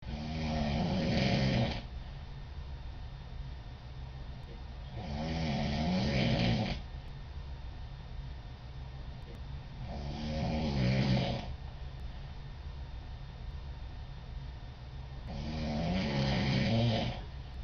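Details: Girl snoring at night, recorded by her roommate: regular rattling snores, about twelve a minute, each around two seconds long, over a steady hum of room noise.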